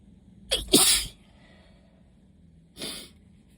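Two sneezes a couple of seconds apart, the first loud with a sharp intake, the second softer; allergic sneezing.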